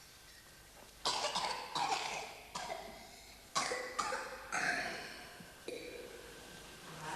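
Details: Cystic fibrosis patient during a respiratory physiotherapy airway-clearance session: about seven loose, wet cough bursts in a series with quiet breathing between, a productive cough clearing mucus.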